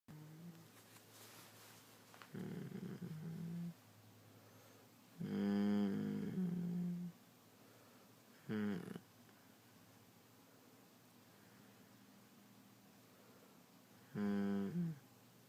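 Irregular groaning, buzzing snores with a moaning tone, four bursts in about 15 seconds; snoring in sleep.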